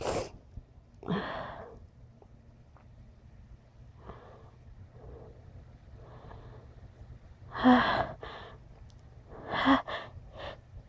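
A few sharp sneeze bursts with sniffing and quiet breaths between, ending in a pair of closely spaced sneezes.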